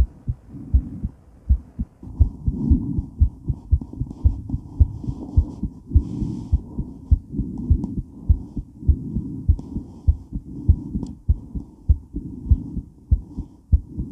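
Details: Woman's heart recorded while moving during and after weight training: fast, pounding heartbeat around 100 a minute with rustling movement noise and heavy breathing; normal heart racing with exercise.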